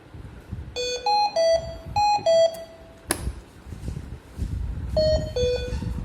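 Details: Hamilton ICU ventilator with its battery pulled out or not properly inserted: repeated two-tone electronic alarm beeps with a brief click, the no-battery alarm.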